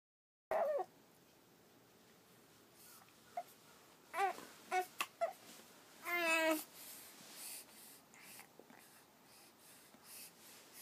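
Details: One-month-old baby girl with hiccups after drinking milk: brief, sharp, breathy catches with small voiced squeaks, spaced irregularly about a second apart.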